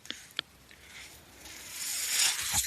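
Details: The speaker's own mechanical ventilator, heard while he records a podcast, gives a couple of soft clicks, then a steadily rising airy hiss as it delivers a breath, with quiet room noise: mechanical ventilator breathing cycle.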